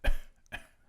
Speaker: it's a hacking sound but but but actually beyond a hacking sound it is a hacking sound but it's also described as it sounds like my dog is choking on a stick